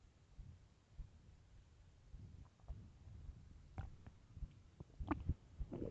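Low gurgling rumbles and a few sharper squeaks from the belly over quiet background; stomach growling from hunger.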